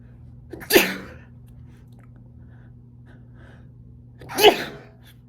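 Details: Sneezing: two sneezes about three and a half seconds apart, each a quick breath in followed by an explosive burst, in a quiet room.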